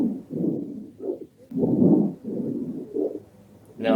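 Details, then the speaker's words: Simulated breath sounds from a virtual-reality COVID-19 respiratory patient, heard by stethoscope over the back during an EMT assessment: a slight whistling expiratory wheeze. The patient is diaphoretic. "can hear it on his expiratory a little wheeze or a little expression of something there's something going on in there"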